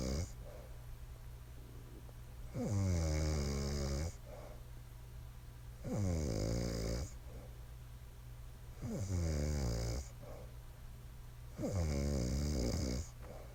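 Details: Wife snoring: low, rattling snores on each breath in, about 19 a minute, with quiet breaths out and a steady room hum.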